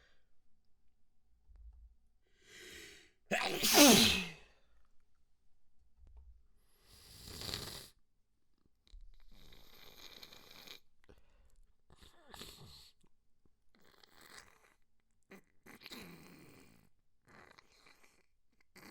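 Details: One loud, wet, explosive sneeze followed by sniffing and wet nasal sounds during a sneeze fit; sneezing with a runny nose.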